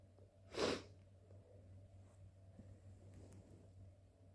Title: Induced super wet sneezes and blows